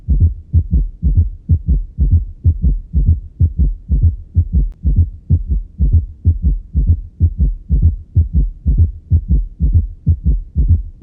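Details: Regular heart rhythm about 63 a minute with both third and fourth heart sounds in the same patient, extra low soft sounds around the main beats; S3 and S4 quadruple gallop.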